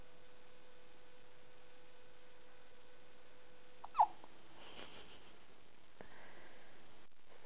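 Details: A child at midnight at bedtime: a single brief squeaky hiccup over steady room hum, the rest quiet; hiccups.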